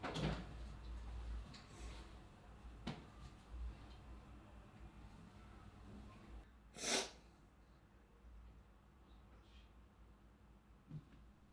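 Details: Woman in a quiet room, a few soft knocks, then one sharp, brief sneeze burst partway through.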